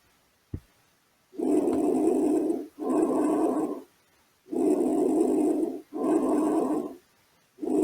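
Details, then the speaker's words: Normal bronchovesicular breath sounds in a respiratory exam teaching recording: rushing breaths about 19 per minute, inspiration and expiration equal in length and loudness. Normally heard over the periphery; elsewhere may signal consolidation, compressive atelectasis or cavity. "a respiração broncovesicular é mais audível na periferia quando presente em outros focos pode ser um sinal patológico e condensação pulmonar atelectasias por compressão ou presença de caverna"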